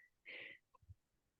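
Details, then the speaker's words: Adult fitness instructor who sneezes all the time, during an online class meeting: a single sharp, hissing sneeze burst followed by brief low sounds; sneeze. "If you take my classes at places, whether it's Orange Theory or anywhere else, you'll know I sneeze all the time."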